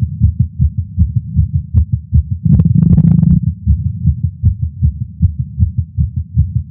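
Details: Male adult's own heartbeat recorded with a Stemoscope while smoking a cigar after not smoking for a while, feeling lightheaded: fast, regular thumping at about 100 beats a minute with brief handling rustle midway; tachycardia.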